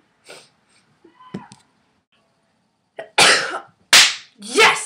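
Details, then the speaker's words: A person's own sneezes recorded on film: quiet breaths, then three loud, sharp, hissing bursts in a row; a run of sneezes. "I got a sneeze on film my sneezes sound like cops I've never heard one of my sneez before"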